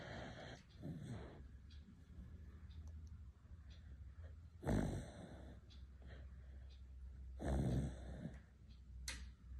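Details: Sleeping beagle: rough, snorting breath noises every few seconds with softer breathing between, over a low steady room hum; ordinary snoring.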